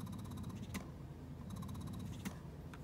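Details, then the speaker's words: Spectra S2 electric breast pump motor running: low hum with quick rattling bursts and a click each cycle, fairly quiet. "you just so you can kind of hear it you know what you're dealing with satellite the motor in it it's not too loud"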